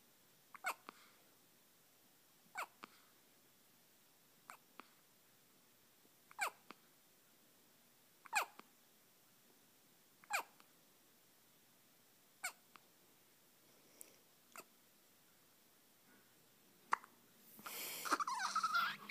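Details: Soft, sharp little hics about every two seconds, roughly nine in all, from a pet named Teddy; hiccups.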